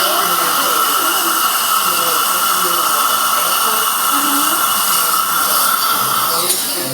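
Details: Steady high-pitched whine of a dental drill running continuously, with faint room sounds underneath, while an old crown is cut away from a male patient's tooth before CEREC crown preparation.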